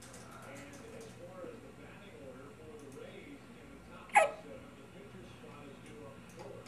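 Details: A single sharp, abrupt hiccup from a tired infant girl over quiet room noise with faint background murmur, during an ongoing bout of hiccups; ordinary infant hiccup.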